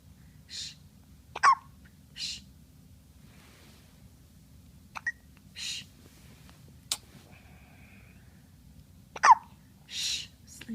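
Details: Sleeping infant girl with about four sharp, abrupt, loud hiccups spaced a few seconds apart between soft breaths in a quiet room. Hiccups.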